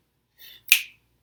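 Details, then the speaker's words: Adult-onset Tourette syndrome: a single sharp finger snap, preceded by a faint rub, produced as a motor tic. "my snapping one I have my clapping one I have one where my arms like to go back like that party"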